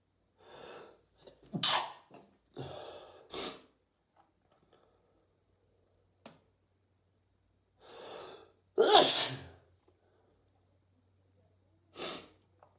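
A run of several sharp sneezes, some preceded by quick in-breaths, separated by short pauses in a quiet room: repeated sneezing.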